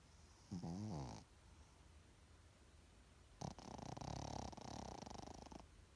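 Two snoring breaths: a short buzzing rattle, a pause, then a longer fluttering snore with a snorting start.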